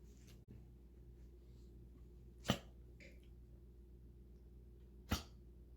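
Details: Two short, sharp dog coughs a few seconds apart over a steady low room hum.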